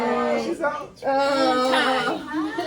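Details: Loud, strong, high-pitched crying with short breaks to breathe: a baby girl's first cries just after vaginal delivery with epidural, following induction at 41 weeks 1 day and 20 minutes of pushing.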